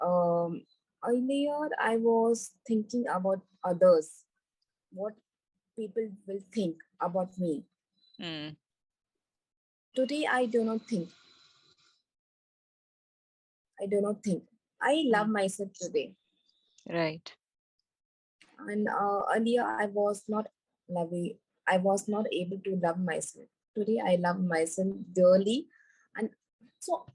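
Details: Woman with global aphasia after a stroke during an Everest base camp trek about four years earlier, initially unable to speak, read, write or spell; recovering after speech therapy; aphasia after stroke, recovering.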